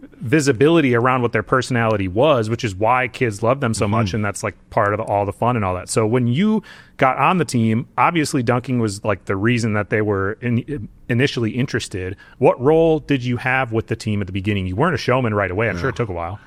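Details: Adult male speaker; normal speech.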